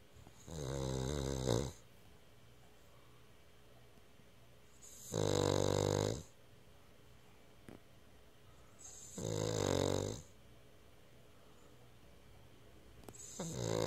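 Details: Moguls, a Cavalier King Charles Spaniel puppy, snoring: regular rattling snores about every four seconds, roughly 15 a minute, with quiet pauses between them.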